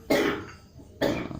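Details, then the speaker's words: Productive cough in an adult man with a one-week cough, before back acupressure therapy: two loose, rough, wet coughs about a second apart suggesting phlegm. "beliau ada masalah batuk-batuk udah berapa lama Pak saya Minggu sudah satu minggu"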